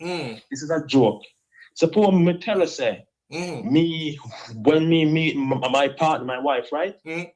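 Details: Stuttering with adult onset in his 30s in an adult man, no stammer from age 5 through high school; he attributes it to very little sleep, 1-2 hours a day.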